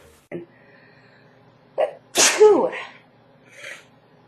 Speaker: Excuse me, I know I have really loud sneezes, I can't help it.